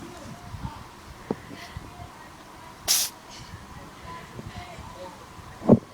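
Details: Pet cat sneezing repeatedly: a sharp, hissing sneeze with a second shorter snort near the end, over quiet room noise.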